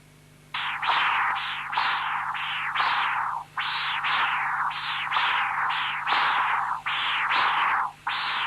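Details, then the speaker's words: Continuous-wave Doppler from an apical non-imaging transducer in tricuspid stenosis: a whooshing tricuspid regurgitation signal at 1.8 m/s plus high-pitched diastolic stenotic flow signals at 2 m/s early diastolic velocity, 16 mmHg gradient. "In real time, you will hear both the tricuspid regurgitation and the high-pitched diastolic signals due to tricuspid stenosis."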